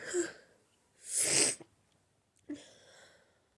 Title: Buildups and big powerful cold sneezes